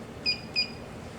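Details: Two short, high-pitched electronic beeps in a quiet room as a therapeutic ultrasound machine confirms a 7-minute treatment time at 1.1 W/cm² for a sub-acute anterior talofibular ligament ankle sprain.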